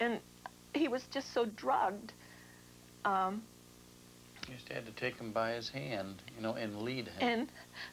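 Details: Adult speaker; typical speech.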